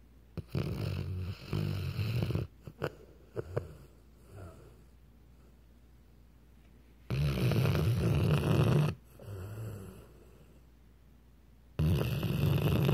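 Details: A Weimaraner dog asleep giving irregular low rumbling snores with snorting bursts and quiet gaps between: snoring.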